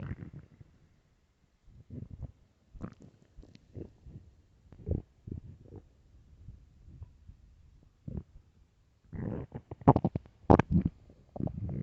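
Intermittent gurgles and squeaky rumbles, louder toward the end, typical of an empty stomach growling, a normal finding.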